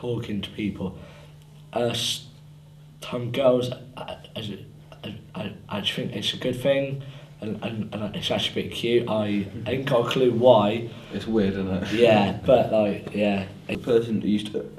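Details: Young person who stammers; stuttering.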